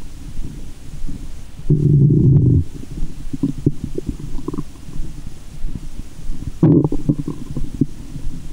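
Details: Stethoscope over the belly button after candy and fizzy Japanese soda, with belly waves: loud low rumbles, gurgles and sloshing; active bowel sounds (borborygmi).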